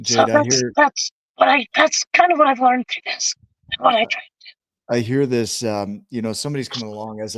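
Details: Adult male with vocal cord paralysis since a severe injury that left his lungs three-quarters full of blood; tracheostomy removed after 2 months; a scope still shows paralysed cords; he has spoken this way for 25+ years.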